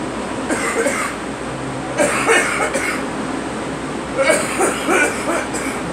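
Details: Girl coughing: three short bouts of repeated coughing from a child over a steady low rumble of background noise.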